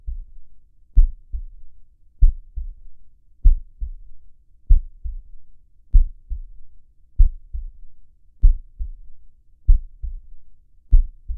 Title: heartbeat sound / soothing calming relaxing